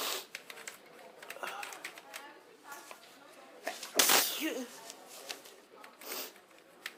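Rustling room noise with one loud, forceful sneeze burst midway and a softer burst after; a sneezing episode.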